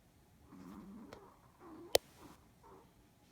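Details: Soft, rough snoring breaths from a small sleeping Pomeranian dog in deep sleep, a few cycles in a quiet room with one sharp click; normal sleep snoring.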